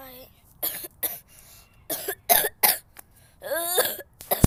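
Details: Child with recent sickness has a run of about six harsh, forceful coughs in quick succession with strained voiced breaths between; severe coughing fit she says made her pass out.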